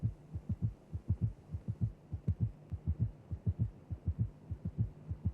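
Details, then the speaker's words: Gallop rhythm in a cardiac auscultation teaching recording: tachycardia about 100 a minute with an additional heart sound, three low thuds per beat, giving a canter cadence. "there you have it increased heart rate and an additional heart sound producing a Gallop"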